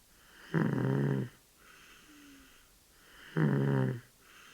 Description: A 13 month old baby sleeping and snoring.